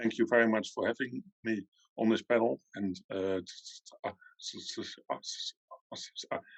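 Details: Adult man from the Netherlands who stutters, at times severely; long pauses between words suggest blocks; stuttering.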